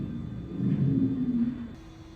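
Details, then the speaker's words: Simulated auscultation at the tracheal site of a mannequin in a COPD exacerbation scenario: the patient begins to breathe, with a low musical expiratory wheeze at the end of exhalation. "So if I were to auscultate, in this case the tracheal site on the mannequin, you will hear the patient begin to breathe, as well as the wheeze on the end of the exhale."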